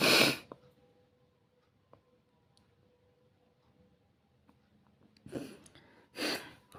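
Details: Three loud, explosive sneezes, one at the start and two near the end, separated by a quiet stretch with faint room noise; sneezing deliberately provoked with a matchstick in the nose for a sneezing challenge.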